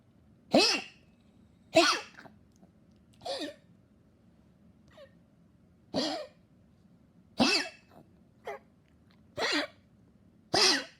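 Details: Dog that had become weaker, coughing non-stop: about seven harsh coughs in eleven seconds, a persistent cough.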